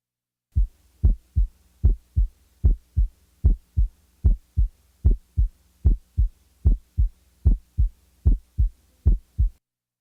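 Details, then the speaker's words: Split first heart sound: a steady heartbeat at about 75 a minute, with the first heart sound split into two close parts, played for comparison with a fourth heart sound (S4). "you now compare the timing and quality of the s4 with that of a split first sound first the s4 and now the split first sound"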